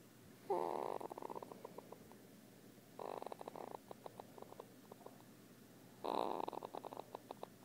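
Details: Snoring in sleep: buzzing, fluttering breaths about every three seconds, each trailing off in soft clicks.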